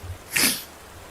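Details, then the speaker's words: Sneeze while drawing, loud enough to jolt the hand. "sneeze was coming like I clicked but I guess the sneeze happened at the same time and it just it moved my hand I'm so sorry"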